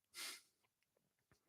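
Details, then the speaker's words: Adult man with a sinus infection (not flu, COVID tests negative), on steroids: a single brief, airy, hissing stifled sneeze, followed by quiet breathing and faint room sounds. "it's not the flu so it's some sort of a sinus infection so they've got me on all the good uh steroids"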